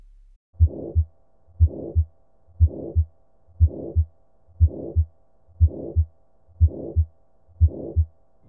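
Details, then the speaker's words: Real heart sounds, regular at 60 a minute, with a crescendo-decrescendo whooshing murmur between first and second sounds; history of breathlessness, dizzy spells and slow-rising pulse: aortic stenosis ejection systolic murmur. "Ka fao se e be e le go ngunanguna ga ejection systolic ga aortic stenosis gomme histori e šišinya se ka go hema ka go hlaelela, mantšu a go dikologela le go hlatloga ga pelo ka go nanya."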